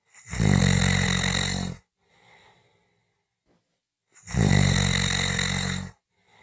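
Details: Snoring: two loud, harsh, rattling inhaled snores with a quiet breath out between them, about one cycle every four seconds.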